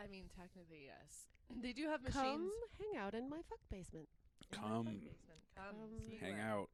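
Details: Adult speaker; no speech disorder.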